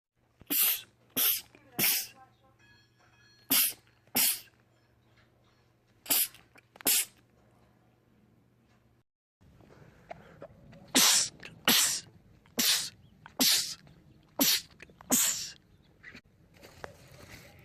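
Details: Repeated sneezing from a compilation of men's rapid sneezing attacks: about fifteen sharp, hissy sneezes in quick runs, with faint background sounds.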